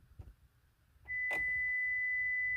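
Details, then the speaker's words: Young boy's first school-required hearing test using play audiometry: faint room sounds, then a steady pure beep test tone starts and holds, and the child places a piece on the tower when he hears it. "the sound can you put it on top of the tower very good let's try again remember beep then we put it on the tower ready"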